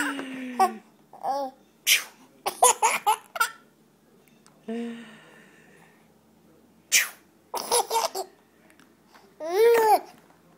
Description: Mama sneezes, baby giggles!